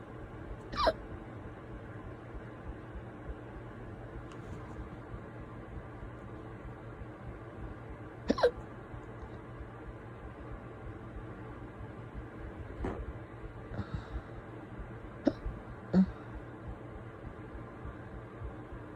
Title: Hiccups part 2